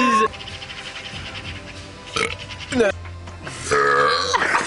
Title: burp contest